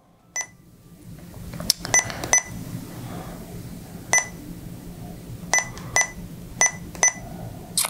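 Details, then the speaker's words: Series of short, high-pitched beeps at irregular intervals as keypad presses program a Sapphire multi-therapy infusion pump for lidocaine 4 mg/mL, entering patient weight and dosing parameters, over faint room noise. "I select that I enter in my patient weight and two of these three parameters that pop up we will enter in"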